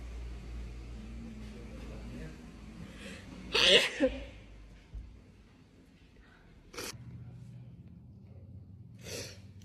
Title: powerful & wet sneeze on tiktok #cold #flu #sneeze